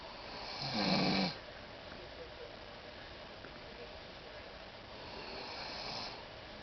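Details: Adult woman snoring while asleep: one loud, rattling inhaled snore, then quiet breathing and a softer snore at the end.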